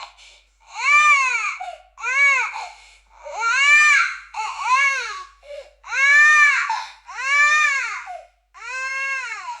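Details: Newborn baby cry sound effect: loud, high-pitched wailing cries in repeated bursts with short gasps between, a vigorous newborn cry.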